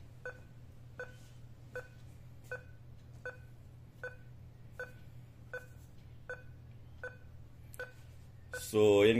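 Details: ECG monitor heart rate beeps from a Nihon Kohden TEC-5631 defibrillator during ECG testing, displaying a rate of about 80.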